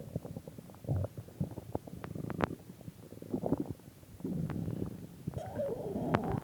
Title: my stomach growling